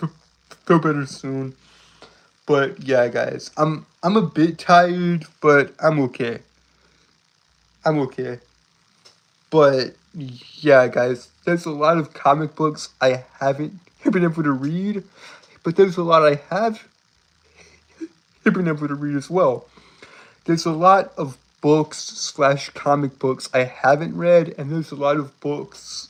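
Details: Man who says he has a speech impediment and compares himself to Porky Pig; stuttering.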